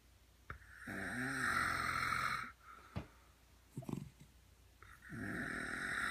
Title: Dog snoring just like owner snores - rat terrier and human synchronized snoring